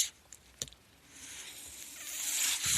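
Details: A few soft clicks, then a steadily rising airy hiss of pushed airflow in a quiet room as a man's mechanical ventilator delivers a breath.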